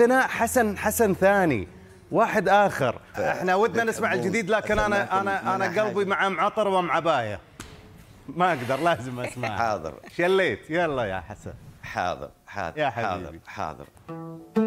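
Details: Adult men, singing and conversation; speech and singing.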